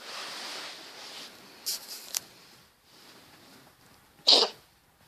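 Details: A cat, which the owner suspects has respiratory issues, gives one sharp, brief cough-like burst after a few faint smaller bursts; cat cough.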